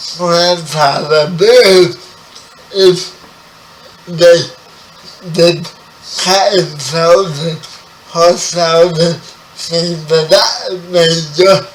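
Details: Dysarthria in a 30-year-old man with spastic quadriplegic cerebral palsy, who was born 11 weeks premature.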